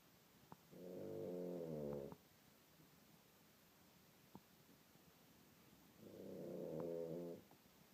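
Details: Two loud, drawn-out rattling snores, each over a second, separated by quiet pauses of about four seconds, from an adult man asleep in a hotel room: heavy snoring.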